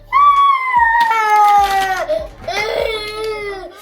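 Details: A 4-year-old boy crying while made to clean his messy room: loud, wavering wails and sobs with brief catches of breath, an ordinary upset toddler cry.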